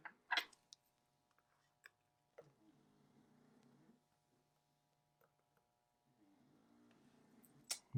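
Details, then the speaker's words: Snoring from sleeping dogs in the background during a wristwatch restoration: two soft, rattling low snores with faint clicks of small tools in a quiet room. "soundtrack of my life behind me snoring snoring dogs sorry if you can hear that"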